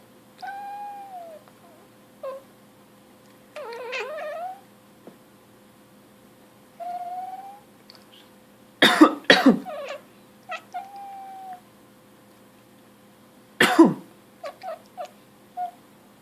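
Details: Coughing with a cat reacting: three harsh cough bursts, two close together and one later, between the cat's repeated meows in a quiet room.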